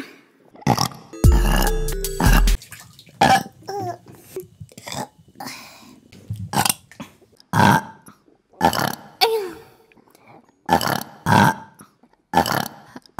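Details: Woman burping: a run of loud, throaty burps, roughly one a second, with music and other background sounds, from a burp compilation; burping.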